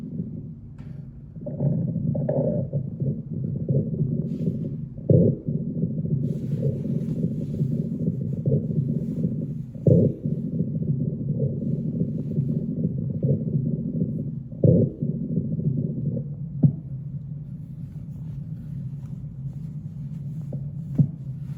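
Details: Abdominal auscultation through a stethoscope: steady low gurgling and rumbling with intermittent louder clicks and gurgles; normal active bowel sounds.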